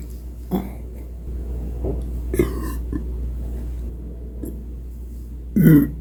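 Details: Burps: several short, low, throaty bursts over a steady background hum, the last loudest; ordinary eructation.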